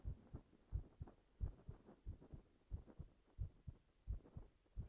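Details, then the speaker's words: A man's heartbeat heard with his girlfriend lying on his chest in an ASMR role-play, binaural 3Dio microphone recording: steady paired thumps at about 88 per minute, slightly quick but normal rhythm. "心音早いよって。そりゃ彼女が覆いかぶさってたらドキドキ"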